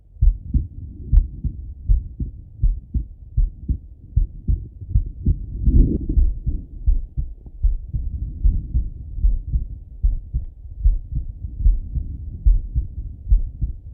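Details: Male heartbeat through a stethoscope with the person lying on the left side; low, muffled heart sounds at roughly 75 beats a minute with some rubbing noise.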